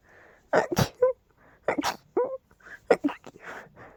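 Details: Person having a rapid fit of big, loud sneezes, attributed to dust and pollen: three sharp, forceful sneeze bursts in quick succession with brief quiet gaps; repeated rapid sneezing.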